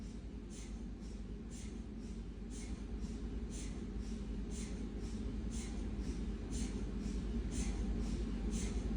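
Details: Siemens MAGNETOM Lumina 3 T MRI scanner running an abdominal sequence: steady rhythmic tapping over a deep low hum, normal scanner knocking noise.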